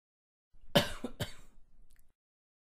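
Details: An adult man gives a short, clean, acted cough of two quick bursts with a throaty edge, recorded as a sound effect.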